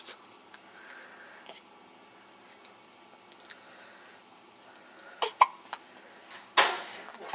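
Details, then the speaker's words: Newborn girl, 2.5 days old: a few brief, irregular squeaky catches in a quiet room; infant hiccups. "got the hiccups. Oh. She's only 2.5 days old and she's got the hiccups."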